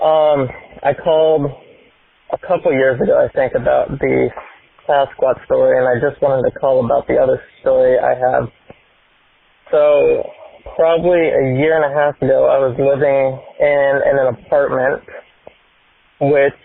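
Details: Adult male with a self-reported speech impediment and stutter; stuttering.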